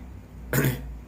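One short, harsh cough over a low room hum.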